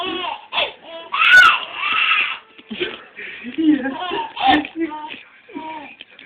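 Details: Infant aged 15 weeks and 1 day, who had laughed himself into hiccups, crying fussily and whimpering in short voiced bursts with adult talk nearby: infant cry.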